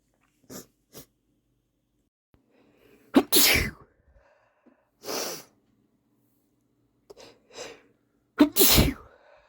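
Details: Repeated sneezing from a male: sniffs, then three forceful sneezes with sharp intakes, followed by a nose blow.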